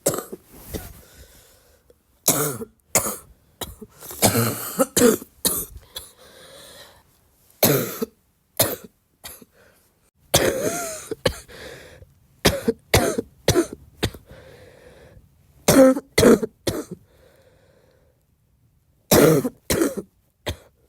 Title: my cough is getting wet